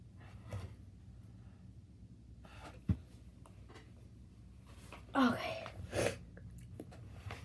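Quiet sniffing and breathing, then a sudden gasp leading into a sneeze and a smaller second burst; a deliberately triggered sneeze.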